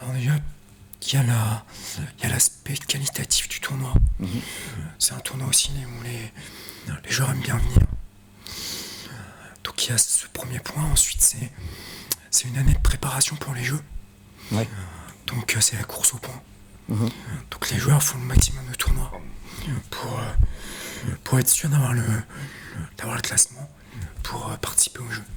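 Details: Adult male quad (tetraplegia-category) wheelchair tennis player with a neuropathy that he says affects his vocal cords; breathy, weak voice; dysphonia.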